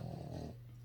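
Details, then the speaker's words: Snoring from an animal asleep in the owner's lap. "now sookie is snoring i'm sure you guys can hear that i'm thinking about getting rid of her but she's so comfy guys she's just in my lap"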